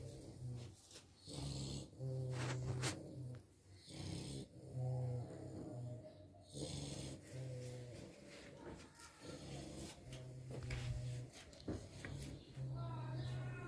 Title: Boerboel puppies fast asleep snoring